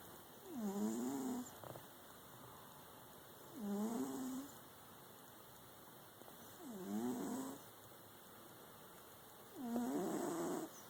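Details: Cat snoring during a nap.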